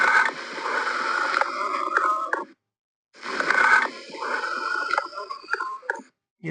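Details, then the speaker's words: Teaching imitation of amphoric breathing, as over a large lung cavity: loud, hollow, ringing breaths of high intensity with a metallic quality, like air blown across a bottle mouth. "और M four breathing में क्या होता है कि large intensity होती है sound की और उसके साथ मेटलिक क्वालिटी की रिमलेस होती है तो मैं अब आपको एमफ ब्रीदिंग की एक टेशन साउंड सुनाता हूं"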